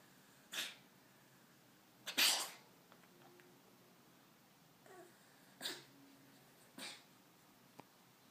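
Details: A cat named Carol makes about four short, sharp, hissing expulsive bursts separated by quiet pauses, recorded at 11:20 pm: coughing, with no meowing.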